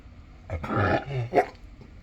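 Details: Dog making a few low, throaty gulping sounds in quick succession after a wheezing episode, recorded Feb. 11, 2025.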